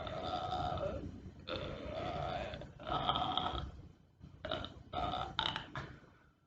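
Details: Simulated burping: the uploader, covered in a blanket, is making zombie noises rather than real burps, heard as a run of about six long, loud, voiced belch-like sounds with short pauses; presented as nonstop burping.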